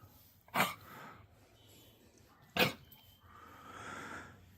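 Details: A dog with kennel cough, likely caught at a dog park, gives two sharp, harsh coughing bursts, each followed by noisy breathing; he is still energetic and drinking lots of water.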